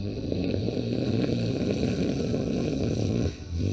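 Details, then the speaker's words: Imitated snoring during a yoga breathing exercise for snoring: breathing in and out through the nose, deliberately making a snore-like sound on both inhalation and exhalation; continuous low, rough, vibrating nasal breath sound. "नाक से सांस रहना है नाक से सांस छोड़ना है लेकिन सांस लेते समय खर्राटे जैसी आवाज क्रिएट करनी है और सांस छोड़ते समय भी खराब एरिया वास क्रिएट करने"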